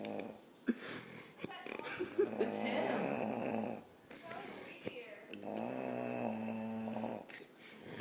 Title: Snoring like a weed wacker